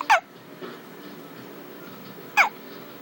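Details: Falling asleep with hiccups: two short, sharp, squeaky catches about two seconds apart against quiet room noise.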